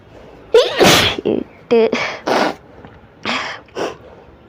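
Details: Sneezes deliberately induced with paper during a sneezing challenge: several sharp explosive bursts in quick succession, some with a voiced lead-in, then two more; a run of sneezes.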